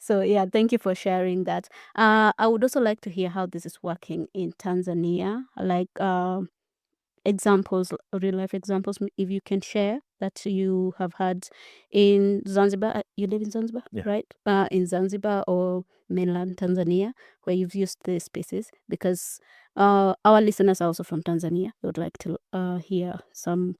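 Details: Adult woman speaking; normal speech.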